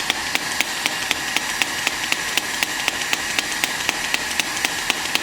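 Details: Home shockwave therapy device treating a painful point on the shoulder: sharp, regular clicking pulses at about 59 a minute over a steady hiss as the handpiece fires.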